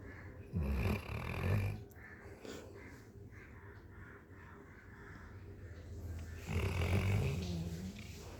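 Two loud, rumbling snores with quieter breathing between them, from a sleeping dog.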